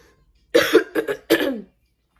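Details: Dry cough from a fully vaccinated person who tested positive for COVID, with throat feeling funny and needing clearing at symptom onset; has very bad allergies.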